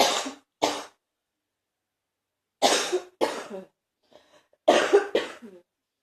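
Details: Morning cough that lasts about 45 minutes of coughing something up, then resolves; productive cough.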